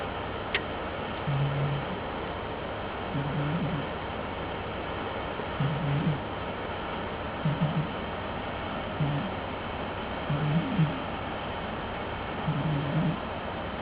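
Soft, regular low snorts about every two seconds over steady room hiss, a sleeping cat snoring at roughly 30 breaths a minute.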